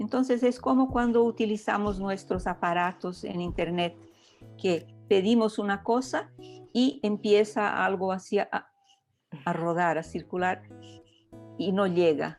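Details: Adult woman speaking Spanish; Normal fluent speech.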